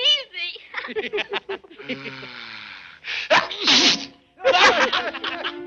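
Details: Cartoon sneezing from Snow White and the Seven Dwarfs, where Sneezy's hay fever is triggered by goldenrod: drawn-out wind-up gasps build into loud explosive bursts, several in a row, with voices between.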